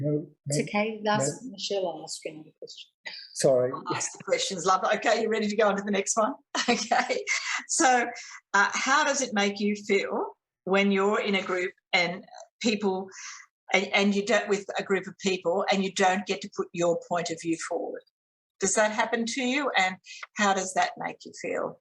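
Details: Adult woman speaking; no speech disorder.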